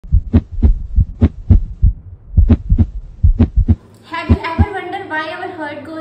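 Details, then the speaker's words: Normal first and second heart sounds (S1 and S2): regular paired lub-dub heartbeats at about 68 a minute, produced by heart valve closure. "So yes, this her sound is not random. This her sound produced by the closer of our heart walls."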